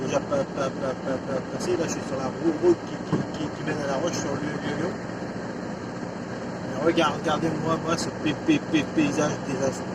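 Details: Adult French-speaking male vlogger who stutters; he says his stuttering worsens when recalling a stressful period around 2004. Finding: stuttering.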